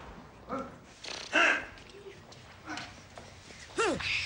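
Several brief, sudden yelps and throaty bursts with no words, sharp rising and falling cries between quieter gaps; acted vocal tics of Tourette syndrome.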